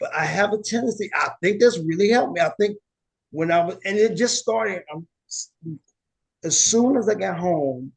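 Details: Aphasia in an adult woman, after a stroke or injury, with word-finding difficulty and paraphasias.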